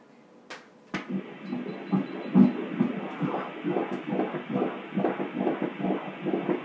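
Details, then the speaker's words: Fetal heartbeat of a first baby boy on an elective 3D/4D ultrasound, played loud, measured at 154 beats a minute: rapid, regular whooshing pulses. "And then here's the heartbeat. He'll be able to hear this as well. I'll do it real loud."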